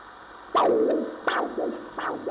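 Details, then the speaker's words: Doppler probe on a volunteer's arm artery in a live lecture demonstration: after the blood supply is released, sudden whooshing surges fall in pitch with each pulse as blood rushes back into the arm. "I'm going I'm going to I'm going to to interrupt this blood supply to arm for few more seconds because I think you should be able to hear The Rush of Blood back into his into his"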